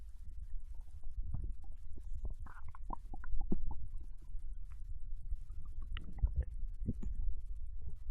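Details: Bowel sounds of ramen digestion from a Japanese girl, recorded while she lay on her side in bed after eating: low gurgles and soft rumbles in irregular bursts, normal post-meal digestion.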